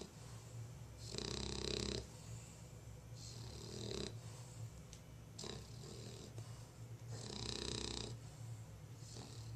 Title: Lola the bulldog snoring